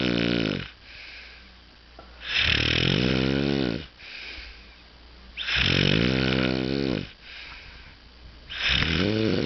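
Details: Heavy snoring from a person with a snoring problem: loud, rasping snores on each breath in, quieter breaths out, about 14 breaths a minute.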